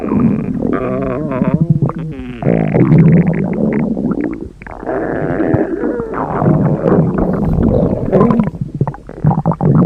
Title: T Mobile Bot's FUNNY Stomach Noises (T Mobile Hunger Jokes) #gorilatag #hunger